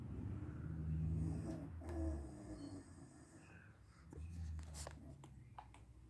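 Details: A mother asleep in a chair in a small, quiet room gives two low, droning, rattling breaths on inhalation with quieter pauses between them: snoring.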